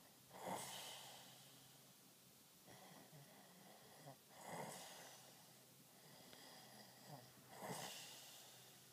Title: Snore you bastard